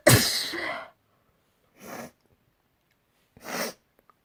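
Three sneezes in quick succession, the first loudest, separated by short silences.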